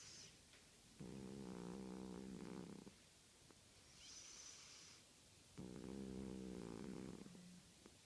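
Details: Snoring from a 17-year-old cat.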